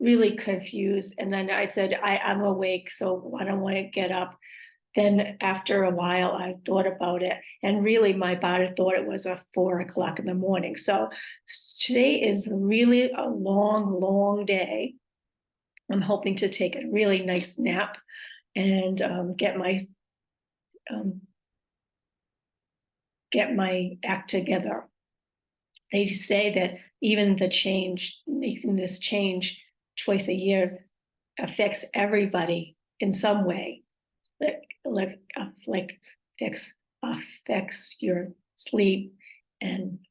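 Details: Aphasia with apraxia of speech and dysarthria in a woman, acquired after a stroke.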